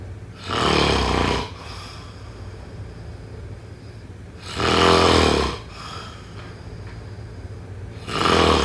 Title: #snoring #snoringasmr #snoringsleepingsoundeffect #sleepsounds #snoringsounds